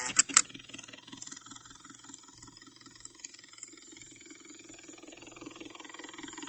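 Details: Two sharp clicks, then soft, rapid ticking from an intravenous infusion pump running in a quiet hospital room during an inpatient stay.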